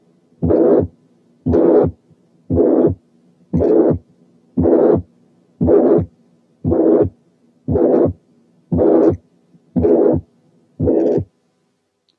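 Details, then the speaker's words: Typical pansystolic murmur: regular, even-loudness blowing murmur filling each systole at about 58/min, played for comparison with diamond-shaped ejection murmurs. "نسمع دلوقتي typical pan-systolic murmur للمقارنة."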